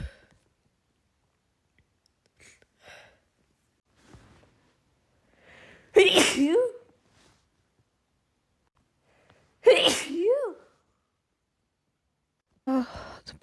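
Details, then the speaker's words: A female with pollen allergy sniffs and catches her breath, then gives two loud voiced sneezes and the start of a third in an uncontrollable pollen sneezing attack. "pollen is really getting to me as you can probably hear. But sorry."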